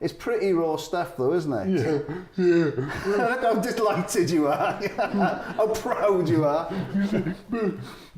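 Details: Adult male speaker; Typical speech.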